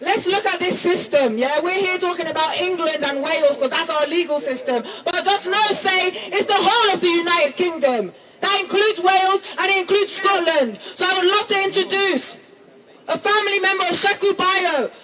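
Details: Adult speaker addressing a crowd; Normal speech.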